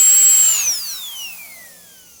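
High-pitched whine that slides downward as a dental drill winds down.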